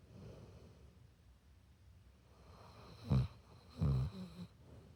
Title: Zeus has the cutest snore! #pitbull